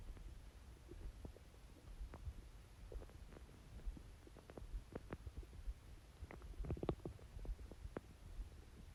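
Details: Watery stomach growls, quieter than usual: faint scattered watery gurgles and pops over a low rumbling background, ordinary borborygmi.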